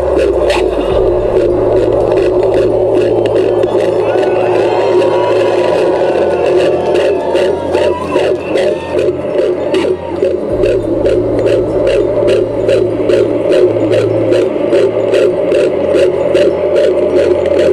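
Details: Rapid, regular whooshing fetal heartbeat at about 150 per minute, amplified outdoors over background hum at a demonstration outside the Dáil; fetal heartbeat.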